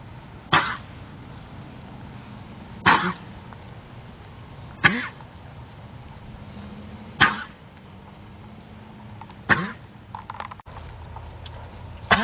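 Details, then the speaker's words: Horse coughing while being worked in a round pen: six single, harsh, forceful coughs spaced a few seconds apart over steady outdoor noise. "be I should just do the round pen coughing so they can see the cough."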